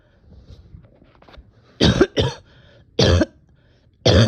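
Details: Person with on-and-off chest and stomach pain, physically and mentally exhausted: four loud, harsh cough bursts, the first two close together, after a few seconds of quiet breathing and rustling; coughing.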